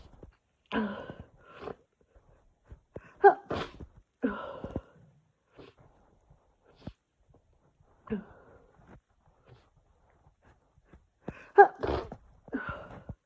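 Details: Several short, stifled sneezes in a quiet room, some in quick pairs, during a sneezing fit from a summer cold with growing congestion.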